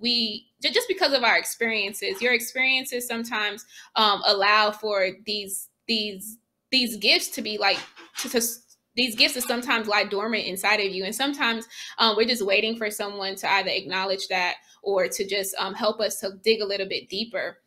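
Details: Adult woman who has stuttered since childhood, first seeking help in seventh grade; blocks where nothing comes out and repetitions; stuttering.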